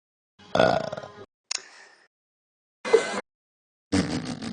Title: Spin and Burp Contest